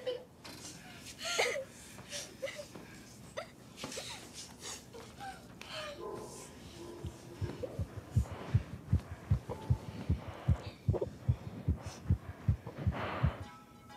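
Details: An actress's own forceful, rapid heartbeat during an emotional film scene, loud enough to be heard on set: fast, pounding thumps at about 150 a minute after muffled rustling and faint voices.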